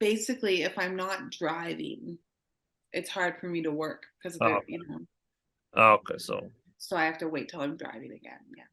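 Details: Adult woman speaking; normal speech.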